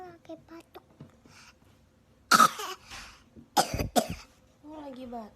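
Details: Young child with three sharp, harsh cough bursts followed by a high-pitched vocal sound.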